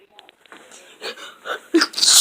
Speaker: Hey guys, this is what you always do when when you sneeze.